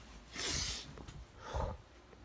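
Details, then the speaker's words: Adult man: a sharp, hissy expulsive burst, then a second shorter one, part of a series of sneezes; sneezing. "Good. Achoo! Achoo! Oh, gonna sneeze. Achoo! Excuse me. Achoo! Achoo! Achoo! Oh, God bless me. Achoo! Ah."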